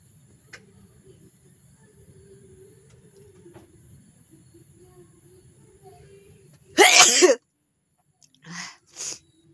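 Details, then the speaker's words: One loud explosive sneeze followed by two smaller sneezy bursts, three sneezes in total, in a quiet room; a deliberately induced sneezing-challenge attempt, with watering eyes. "আর আজকের challenge ভিডিওটি হচ্ছে সিঞ্জিং তাই চল আমি আজকে সিঞ্জিং করব"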